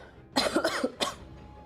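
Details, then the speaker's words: Two quick, light coughs with throat clearing, against faint background music, from a woman who says she is unwell and has taken medicine: cough. "But every few every few minutes I have been muting myself just to cough [laughter] so you guys don't hear that."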